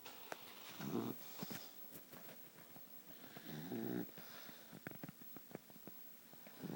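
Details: Short-nosed sleeper snoring loudly: two loud, fluttering snores a few seconds apart over quiet room noise; snoring during sleep, attributed to the short nose.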